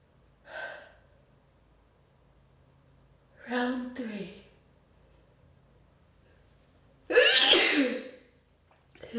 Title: Big cold sneezes